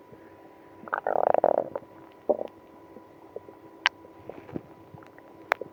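Bursts of gurgling and rumbling from the belly, then scattered softer gurgles: active bowel sounds in someone with irritable bowel syndrome.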